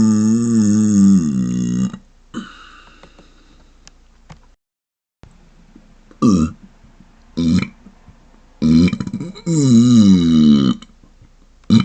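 Several loud, long, throaty burps with a closed mouth, separated by pauses.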